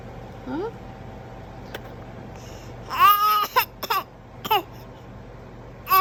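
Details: A 4-month-old baby fake coughing: a drawn-out voiced sound, then several short throaty bursts, a deliberate voluntary cough.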